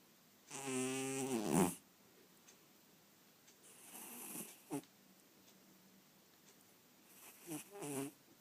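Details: Sleeping cat snoring all night: loud, rattling snores on the in-breath with quieter snorting breaths between, in a quiet room.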